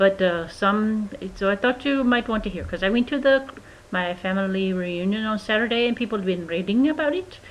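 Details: Adult woman recorded in May 2012, about two months after a March 2012 stroke caused by antiphospholipid antibody syndrome, with tongue numbness after the stroke; she says it is not a real accent; foreign accent syndrome.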